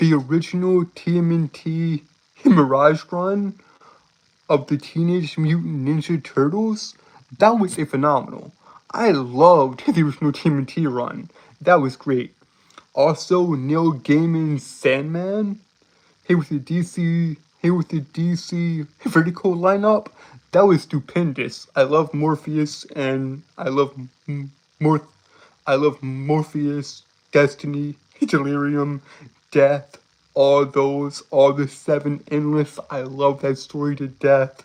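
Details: Male speaker with a self-described speech impediment who likens himself to Porky Pig: stuttering.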